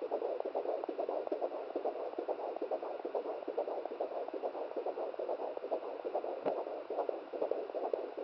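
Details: Fetal heartbeat at 17 weeks of pregnancy on a home fetal Doppler, the mother's first try: fast, steady whooshing pulses at about 140 a minute over static hiss; normal rate.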